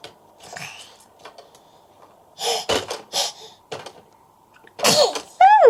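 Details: Baby sitting waiting for breakfast, happy, laughing and babbling, then a few short, sharp bursts like small sneezes ending in a high squeal; sneezing.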